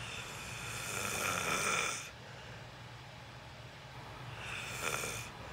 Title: 💚 Watch me sleep #29: 😭💦 An Apologetic Slumber 😪😴 Loud Thicc Snoring 💤 Lucid REM sleeping ASMR